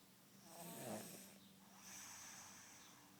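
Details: Snoring from a sleeping child (niece) out cold: rough, rattling breath in and softer hissing breath out.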